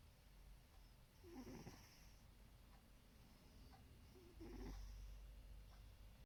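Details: Snoring during sleep: two soft snoring breaths a few seconds apart, faint against a low room rumble.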